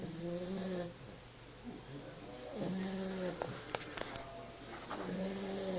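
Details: Sleeping female puppy snoring: repeated droning, buzzing snores on each breath, with a few clicks between.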